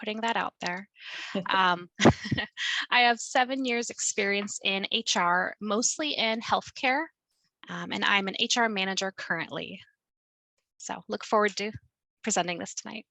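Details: Adult woman speaking; Normal fluent speech.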